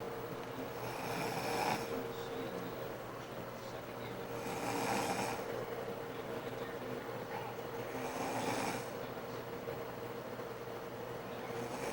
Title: 6/21/02 Mom Snoring